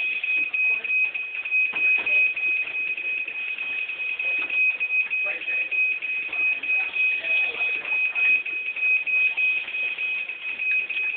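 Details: Steady high-pitched electronic alarm tone over room chatter and handling noise, from a dialysis machine during setup, filmed on a student's phone during a fall 2010 training session.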